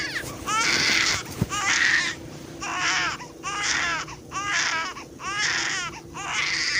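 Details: Repeated high-pitched wailing cry bursts with brief breaths between them and light room noise: a typical infant cry.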